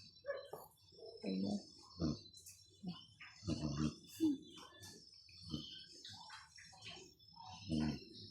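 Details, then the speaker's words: A sleeping pet snores like a sleeping person; other sleeping pets nearby seem to pant. "Ito naman nao humihilik siya. Parang taong natutulog hilit."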